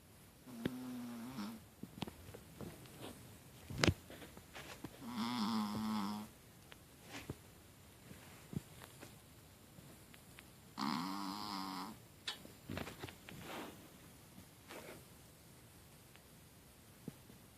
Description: Puppy snoring while he sleep